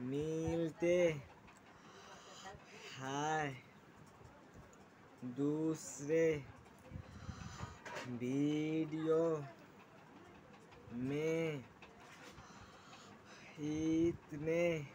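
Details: Stuttering (stammering) in a male speaker describing techniques to overcome stammering; speaking very slowly, word by word, with long pauses between words.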